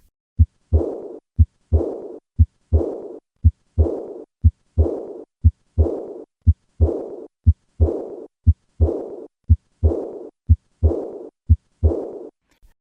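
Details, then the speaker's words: High-pitched, blowing, decrescendo diastolic murmur after the second sound, heard along the left sternal border, with a regular heartbeat near 60 per minute; typical aortic regurgitation murmur. "this high-pitched blowing diastolic murmur heard along the left sternal border is typical of aortic regurgitation notice the de Crescendo nature of this murmur"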